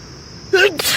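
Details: Single adult sneeze on a lazy morning while camping in a tent by the Ravi river: a voiced 'ah' rising into a sharp hissing 'choo' against quiet outdoor hiss.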